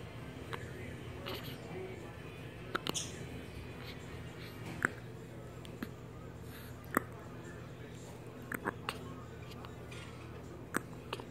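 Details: Faint, short clicking catches about every one to two seconds, roughly six in eleven seconds, over steady room hum; she constantly has hiccups: hiccups.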